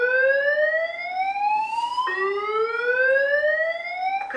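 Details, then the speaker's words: AED trainer, adult mode, after rhythm analysis advises shock and tells rescuers to stand clear: repeated rising electronic tones signal charge complete and shock ready, flashing shock button. "그다음에 전기 충격 치료가 필요합니다 환자로부터 떨어질수 또 얘기해요 왜 얘가 리딩 되는 거 충전을 해 가지고 전기 충전 하면서이 불이 깜빡깜빡 되는 거예요"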